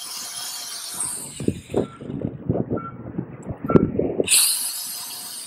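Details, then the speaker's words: Wire-brush dermabrader on skin during dermabrasion for acne scarring in a female Fitzpatrick III patient, starting in the most dependent area until petechial bleeding: high motor whine, then rough scratchy bursts as the spinning brush abrades skin, whine returning. "once or twice in the dermabraider and it becomes frightening for the patient especially when you're doing a small area this is quite loud"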